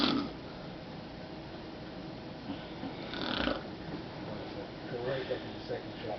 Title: snoring video 013.avi